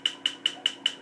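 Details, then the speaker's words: Laser tattoo removal session, the laser burning the skin so pigment breaks up gradually, more treatments expected: sharp, evenly spaced snapping clicks about five per second over a faint machine hum; laser tattoo removal pulses. "I mean you're you're basically just burning the skin and well it isn't it isn't it'll the all the pigment will eventually sort of break up under your skin just little by little"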